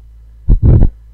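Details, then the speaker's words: Simulated heart sounds from an app diagram with aortic stenosis switched on, a narrowed aortic valve: a heartbeat with a harsh rushing murmur after the first heart sound, an aortic stenosis murmur. "But if we turn on aortic stenosis by flipping this switch, we introduce the murmur of aortic stenosis associated with the narrowing of the aortic valve."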